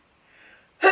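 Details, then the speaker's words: An adult announces an imminent sneeze after being fine for eight minutes: soft intake of breath, then a sudden loud explosive burst cut off abruptly; a sneeze. "been fine for eight minutes and then I decide to sneeze me hold on I'm gonna sneeze"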